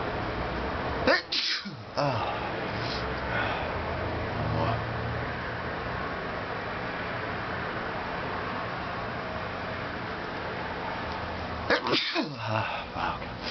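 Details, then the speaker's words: Two sneezes about ten seconds apart, each a sharp burst, over steady hiss, from someone deliberately inducing sneezes by tickling the nose with the tip of a plastic fork; sneeze. "I'm gonna try to sneeze a few more times. Using a bit of a fork this time. See how it works. I feel a tickle."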